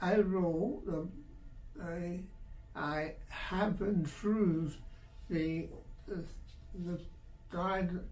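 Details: 84-year-old male retired surgeon, three months after a severe left-hemisphere stroke with right-sided hemiplegia; initially mute, now with expressive and receptive aphasia treated with a dopaminergic drug; says speech worsens when tired; aphasia.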